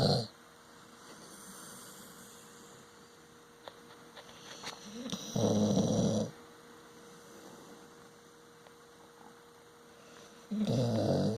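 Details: Dog snoring while asleep: loud, rough, fluttering noise on breaths separated by quiet stretches of several seconds; snoring.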